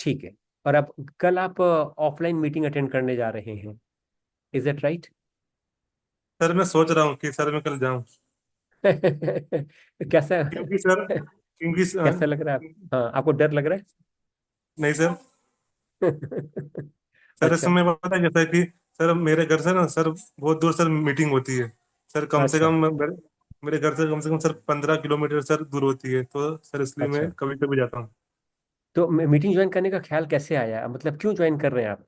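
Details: Adult man who reports a speech disorder, stammering, with a part-word repetition block heard on 'training'; stuttering.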